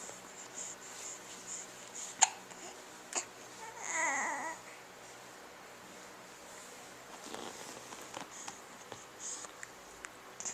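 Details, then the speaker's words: Infant with hiccups while babbling and making new sounds, seeming upset by them: a few sharp, brief hiccup sounds between quiet babbling, with soft room noise. "Are you getting upset with your hiccups? Yeah?"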